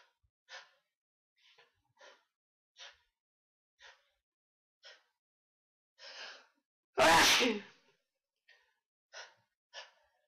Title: Sneezes & hitching.